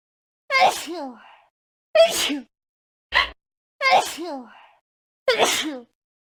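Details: Five separate sneezes, each a sharp explosive burst with a brief voiced tail, in a quiet room; sneezing.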